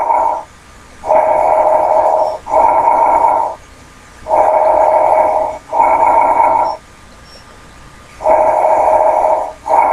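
Paired breath sounds of similar length and loudness, separated by a brief pause, about 16 breaths a minute: normal bronchovesicular breath sounds.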